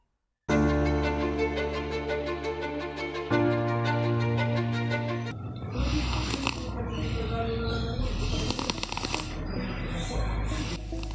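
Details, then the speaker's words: Six-year-old child with enlarged tonsils, loud snoring daily since July: rough, rattling snores in bursts, about three in six seconds, with music playing underneath: loud childhood snoring. "Ganyan kalakas sumilik ang anim na taong gulang na pag natutulog."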